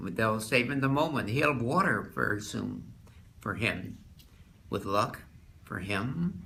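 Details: Wernicke's aphasia, a type of fluent aphasia caused by damage to the posterior temporal lobe of the left hemisphere, in an individual presented as an example.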